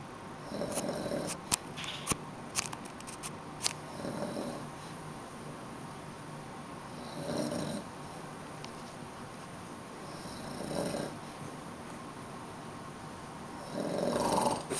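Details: Adult napping on a hotel couch after a long train ride, rough rattling snores with each in-breath every three to four seconds, quiet breathing between; ordinary snoring.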